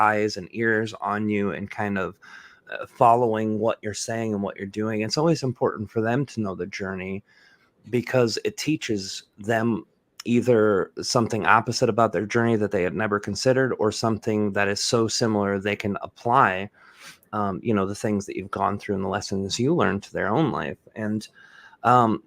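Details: Adult man speaking; typical speech.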